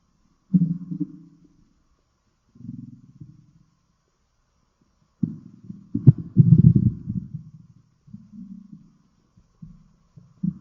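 Low, uneven growls and rumbles in short bursts with quiet gaps: stomach growling from gas and fluid moving in the gut.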